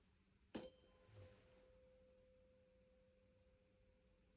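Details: Tuning fork tone during the Weber test in a head-to-toe physical examination of a male patient.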